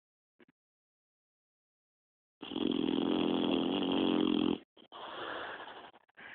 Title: Snoring Ginger (boxer)